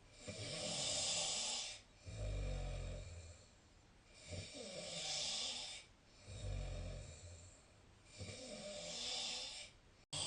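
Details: Snoring during sleep: loud rattling snores on each breath in, with hissing breaths out between, about 15 breaths a minute.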